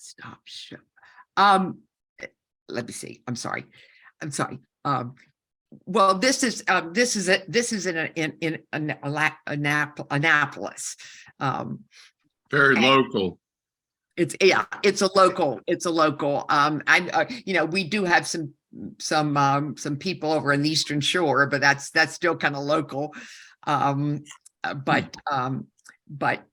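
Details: Woman with a stroke during aortic dissection surgery at age 47, with right-side loss and significant aphasia; she had about a year of speech therapy and, years later, aphasia still kicks in while speaking; aphasia.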